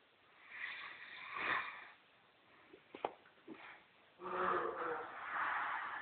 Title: Big guy snoring